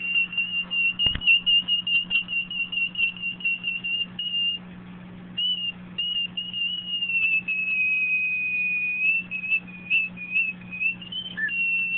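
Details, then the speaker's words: High, steady squealing whistle that pulses and wavers in pitch from a hearing aid held out of the ear and deliberately made to whistle; acoustic feedback. "Now I can And I I can put it in my ear and listen to it, but I rather just make it whistle. I love it."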